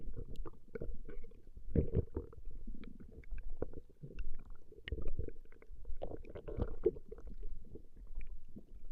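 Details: Woman's stomach growling recorded over a long session: low, irregular gurgling and rumbling from the belly with brief louder bursts; ordinary borborygmi, a normal sound of gut movement.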